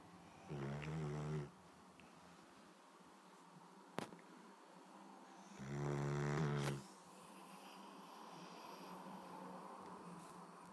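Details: Snoring from a pet that fell asleep while being rubbed: two loud, buzzing snores separated by a long quiet pause.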